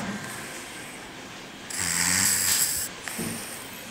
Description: my two and half year old nephew is snoring as hell and i decide to mess with him by painting on his face lol.